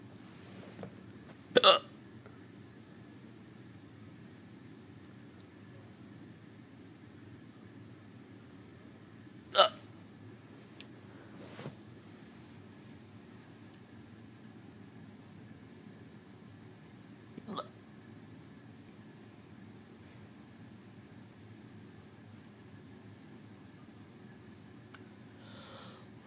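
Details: Sharp, abrupt hiccups recurring at irregular intervals in a quiet room, from a person who says they have had them for at least a day without stopping.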